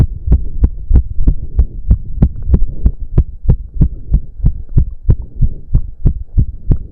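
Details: Male doing intense cardio workout, about 15 minutes; reported heart rate close to 200 bpm. Rapid, regular, strong heart thumps, roughly 185–190 a minute: tachycardia after exercise.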